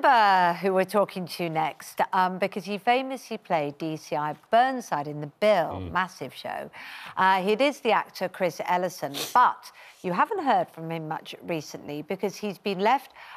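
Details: Adult woman speaking; normal fluent speech.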